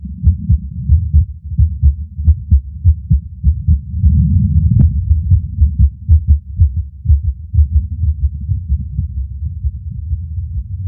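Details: Fast, uneven heartbeat with some beats coming early and others followed by pauses: skipped beats; the person says they passed out near the end.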